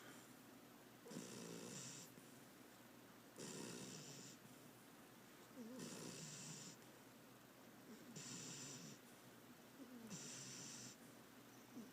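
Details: Rhythmic raspy, fluttering snores from a sleeping beagle, about five over twelve seconds, with quiet pauses between; loud snoring.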